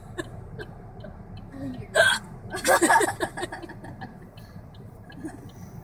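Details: Person with a bad case of hiccups after a birthday dinner, recorded in a car: short, abrupt gulping hiccup sounds with laughter and chatter.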